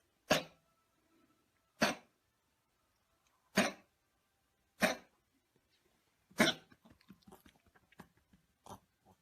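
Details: Dog with heart disease, on heart medication three times daily for about four years: repeated harsh, honking coughs, about five bursts then a rapid run of short hacks.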